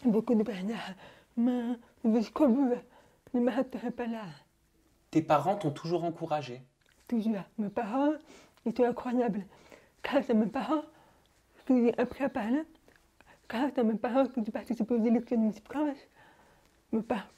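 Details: Young woman born profoundly deaf, speaking French orally without an interpreter; finding: deaf speech.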